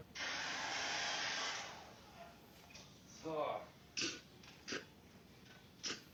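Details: A girl sneezing rapidly, several quick sneezes in a row: sneeze.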